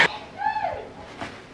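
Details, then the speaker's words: A woman's faint, distant voiced sneeze heard from across the street, a rising then falling cry between brief clicks in a quiet room. "Bless you. You guys hear that lady sneeze? I think something's wrong if I can hear you sneeze from like across the street."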